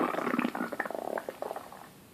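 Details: Loud stomach rumbling (borborygmi) from a boy pressing on his belly by hand, with no sound effects added: rapid bubbling, gurgling bursts that fade over two seconds.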